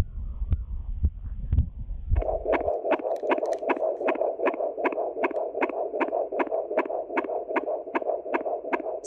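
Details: Rapid, regular whooshing fetal heartbeat in the womb at about 150 beats a minute on Doppler, a normal fetal rate, much faster than an adult's.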